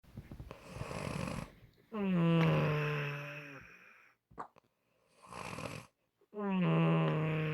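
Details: Loud snoring with alternating noisy inhaled snorts and long, droning, almost voiced exhaled tones in a quiet room; an unusual snoring pattern.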